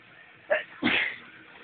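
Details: Forced sneeze while drunk: a quick two-part sneeze, a sharp indrawn catch followed by an explosive burst through the nose and mouth.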